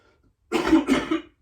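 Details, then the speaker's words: A child with COVID-19 gives a double wet-sounding cough, two bursts close together. The cough is described as strange, seeming to sit in the bronchi and lungs without coming up, and is being treated with Mucaltin. "тут вот как будто бы это в бронхах они в легких как будто бы кашель что-то вроде бы есть но он не выходит он какой-то странный кашель"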